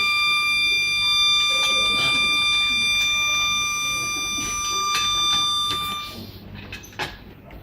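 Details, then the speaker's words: Steady high-pitched non-electronic whistle from an SLE2000 neonatal ventilator over room noise, stopping near the end: gas supply failure whistle, air or oxygen disconnected or one supply exceeding the other by half a bar, sounds even when switched off. "يعني حتى لو الجهاز اصلا السويتش بتاعه مقفول، الصفارة دي هتفضل موجودة، معناها ان في سبلاي من الاثنين اير او اوكسجين مفصولين."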